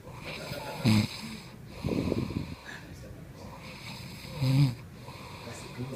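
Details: Man snoring while asleep at his bachelor party; snoring.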